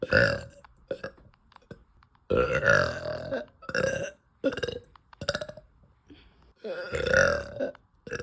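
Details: Woman burping after eating: several loud, drawn-out burps with short pauses between them; repeated belching.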